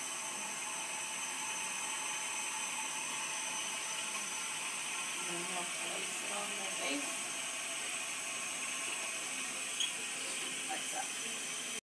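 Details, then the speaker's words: Steady loud hiss of oxygen flow at 10 L/min through a large-volume Venturi nebulizer set to 40% oxygen, delivered via large-bore tubing to an aerosol face tent, with faint handling noises. "make sure your reservoir is down and then you'll turn on your flow and it was 40% so you need 10 l"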